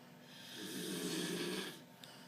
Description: Mate snoring like mad